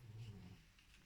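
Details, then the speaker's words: A soft, low rumbling breath sound from a sleeping pet, lasting about half a second then fading in a quiet room: snoring. "ronfle mon amour tait tout mignon je sais pas si vous l'entendez mais Ron"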